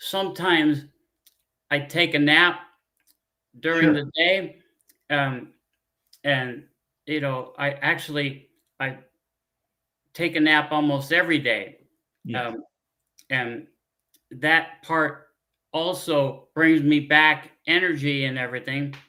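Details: Adult man with aphasia after a stroke 15 years earlier; he cannot read or write.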